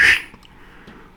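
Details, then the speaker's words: Vocal imitation of a mitral stenosis murmur: soft, low mid-diastolic rumble after the opening snap, swelling sharply into presystolic accentuation from atrial kick just before S1; murmur described as very mild. "so how will it sound like again you'll have a mid diastolic rumble and then a pre systolic accentuation now listen to this"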